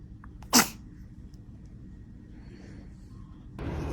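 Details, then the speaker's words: A newborn gives a single short, sharp sneeze burst, followed by quiet and soft room noise; the baby seemed about to sneeze at the last second. "Oh goodness. Were you about to sneeze?"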